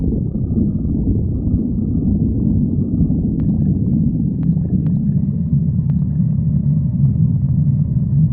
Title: Pan stomach growling 55